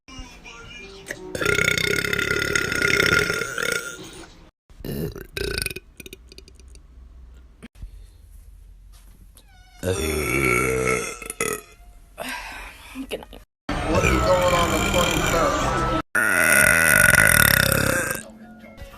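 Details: Girl burping hard in a TikTok compilation: several long, loud, rumbling belches with short pauses between them over faint background music.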